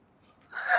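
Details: 56-year-old man with frozen shoulder, shoulder pain about 3 weeks (injury history since 1998), during massage treatment: a quiet stretch then a sudden sharp gasp as a painful spot is pressed.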